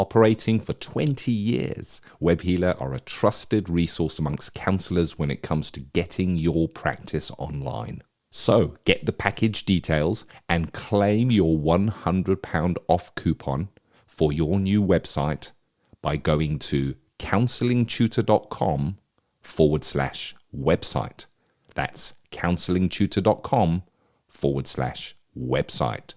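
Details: Adult male speaker; normal speech.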